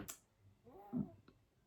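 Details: Three-week-old infant girl sleeping, a single soft, brief snore-like grunt with faint room noise.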